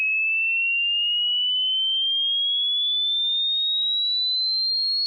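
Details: Synthetic hearing-test tone for checking high-pitch hearing by age (human range 20 Hz to 20,000 Hz): a pure, steady high-pitched tone slowly gliding upward in pitch over five seconds.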